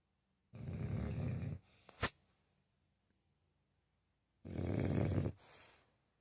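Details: Sleeping dog snoring loudly: two loud, low, rattling snores a few seconds apart, each followed by a softer exhale.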